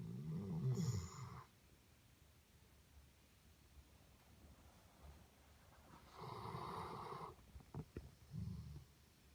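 Quiet room with two soft, low, rumbling snores several seconds apart and a small snort; a sleeping dog snoring.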